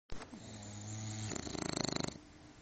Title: LuLu the snoring Bulldog